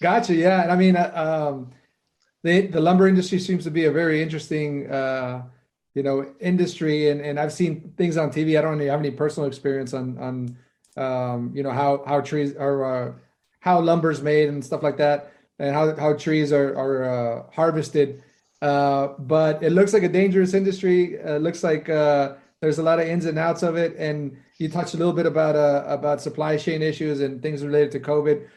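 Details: Adult man speaking; normal conversational speech.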